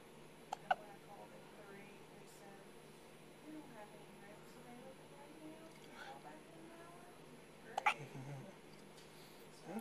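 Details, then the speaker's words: Infant with hiccups, first time seeing sunlight, before a feed: two brief, sharp hiccup sounds with a long quiet stretch between, against steady room noise. "Let's go see if we can get rid of the hiccups so you can eat."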